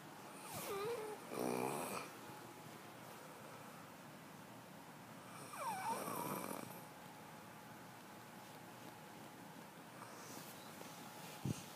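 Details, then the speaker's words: Loud, harsh inspiratory snores from a sleeping child, about three in twelve seconds with quiet pauses, before the child is woken and told they were snoring loudly; snoring. "Hey. You were snoring really loud."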